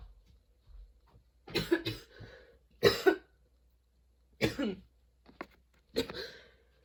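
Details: Sudden-onset, unexpectedly long nonstop coughing fit that kept worsening, bringing tears and constant position changes: repeated harsh coughs in close clusters, short gaps and a breath between bursts, quiet room; prolonged coughing fit.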